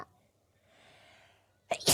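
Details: VTuber's sneeze on a 3D stream: after quiet room noise and a soft breath, one sharp, explosive burst at the end, a single sneeze.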